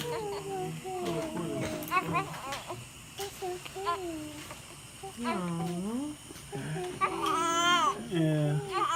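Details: Newborn baby boy just after birth: repeated strong, high-pitched crying bursts with adult voices nearby; a vigorous, healthy newborn cry.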